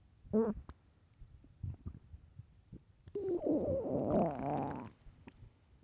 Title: 9 minutes of loud famished stomach growling